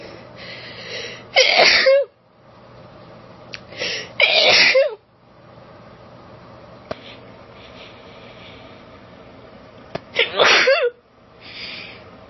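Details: Female, recorded on a cellphone, allergic sneezing: three forceful uncovered sneezes in about twelve seconds, each led by a short catching inward breath, and a fourth buildup at the end; sneezing.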